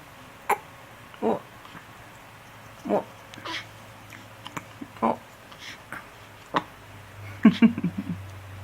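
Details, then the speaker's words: Three-day-old infant with hiccups: brief abrupt catches every second or two with soft baby sounds over a quiet background hum. "Oh, oh, hiccups. Oh, oh. Mama burps, you still have hiccups, huh? Oh. I don't like hiccups,"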